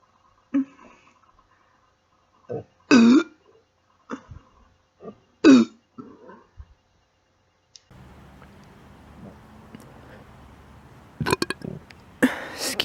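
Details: Woman burping on command: several short voiced belches, roughly one every few seconds, in a quiet room.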